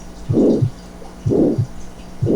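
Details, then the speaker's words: Aortic stenosis at about 63 beats a minute: soft first sound, opening click masked by a harsh rhomboid systolic murmur running up to a soft second sound, prolonged isovolumetric contraction, quiet clean diastole. "aquí está el chasquido de apertura que está enmascarado por el soplo y el soplo romboidal 2 sobre romboide al que termina hasta el segundo ruido cardíaco"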